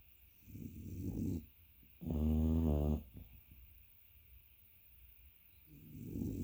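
Rough snoring breaths with one loud, buzzing, vibrating snore from a sleeping dog.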